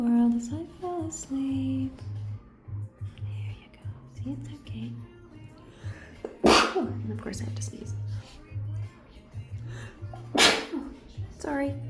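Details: Person sneezing beside a shy shelter cat who was starting to relax, the cat answering with a little chirp: two sharp, noisy sneezes breaking through quiet talk over soft background music.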